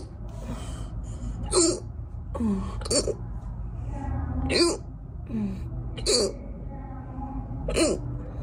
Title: Gassy hiccups